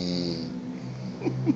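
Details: Very loud, absurd snore likened to a Formula 1 car: a buzzing, droning breath held at one low pitch, a single heavy snore; snoring.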